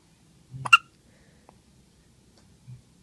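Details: Two-day-old newborn with hiccups: a sharp, brief hiccup with a small squeak, then a faint second catch, in a quiet room.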